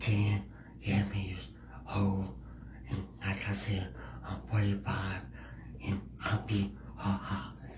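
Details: Speech impediment in a male guest who is part of the disabled community; finding: speech impediment.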